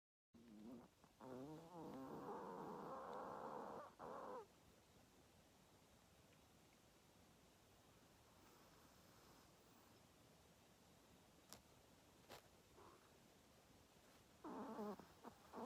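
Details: Soft rhythmic snoring with quiet pauses from a sleeping 3-year-old long-haired Chihuahua, tired out from playing; ordinary dog snoring during sleep.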